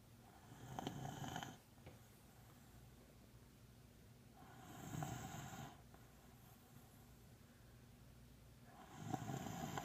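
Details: Female beagle snoring during sleep: three slow, rough snoring breaths about four seconds apart, roughly 15 a minute, with quiet between them; ordinary snoring.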